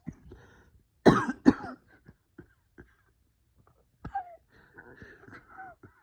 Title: bronchospasm coughing chest wheezing